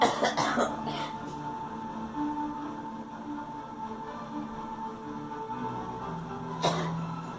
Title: Girl coughing